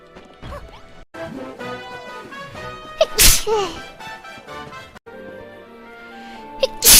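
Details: Sneezing during a live stream: two sudden, loud sneeze bursts over background music and game sounds.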